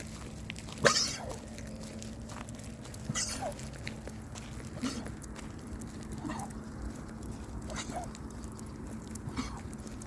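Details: Dog coughing: a sharp harsh burst, a second rougher one, then several softer coughs or snorts over a steady low room hum.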